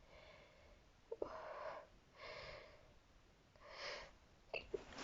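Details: Woman sneezing while reading a short story aloud: quick catching inhalations followed by sharp bursts of air, soft breathy sounds between, in a quiet room; sneeze.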